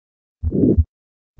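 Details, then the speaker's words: 80-year-old man with recurrent syncope, diaphragm at second right intercostal space: harsh crescendo-decrescendo systolic murmur filling the gap between S1 and S2, aortic stenosis. "systolic now what's the shape Crescendo de Crescendo again don't be alarmed if you find the shape difficult to identify when you're first starting out now what about the pitch it's kind of hard to say what the pitch is it has just a qualitatively unpleasant nature to it which is usually labeled harsh"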